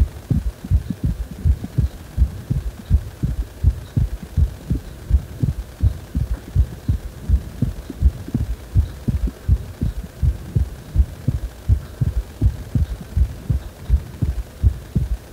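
Steady deep thumping heartbeat with a low hum beneath, about 82 beats a minute, regular throughout.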